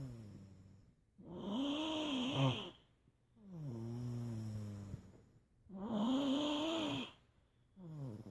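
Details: Loud, regular snores with a vibrating, buzzing tone, about three in eight seconds, separated by quiet pauses; snoring.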